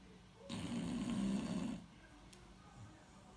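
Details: A single loud, rattling snore on the in-breath, then quiet breathing, from a 3-year-old beagle who snores loudly while sleeping.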